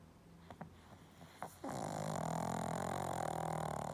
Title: Pug Snoring With Scary Moving Eyes 😦